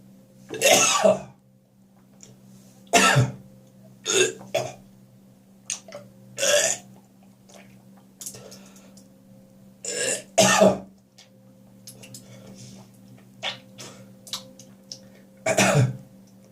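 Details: Adult's morning cough, possibly after too much beer the night before: repeated harsh throat-clearing bursts, coughs and gagging noises with pauses between, plus spitting.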